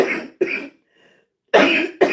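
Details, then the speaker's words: Four harsh, fairly dry cough bursts in two quick pairs from a never-smoker whose lupus and anti-Jo-1 antibody disease affected the lungs. Chronic cough. "And lupus and the J Joe one antibbody affected my lungs. So, my lungs look like I smoke. And I have never smoked anything. anything. So that's why you'll hear me be um coughing"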